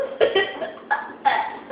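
Three abrupt, voiced catches in the throat, each followed by a short trailing sound, spaced under a second apart. A run of hiccups.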